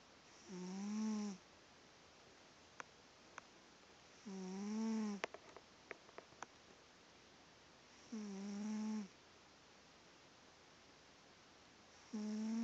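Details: Sleeping cat opens an eye but keeps sleeping: regular tonal snores, about 16 a minute, each a steady buzzing hum on the in-breath with quiet gaps; snoring.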